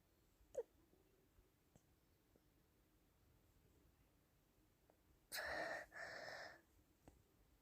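A single explosive burst with a brief second part, fitting one sneeze in a quiet room.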